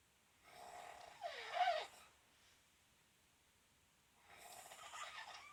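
Soft, airy breaths with a brief rising whistling snort, then another quieter breath; light snoring.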